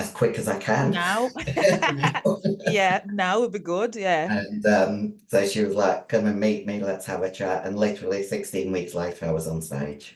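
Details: Adult female bodybuilder with androgen-induced voice deepening (virilization) after large doses of male steroids (performance-enhancing drugs). Her voice was formerly high-pitched and is now very deep, and she can no longer sing.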